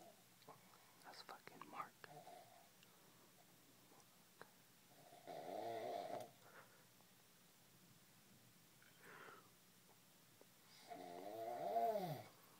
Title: snores